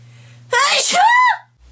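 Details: A single loud, voiced sneeze in a quiet room, with a sharp intake followed by a forceful burst out.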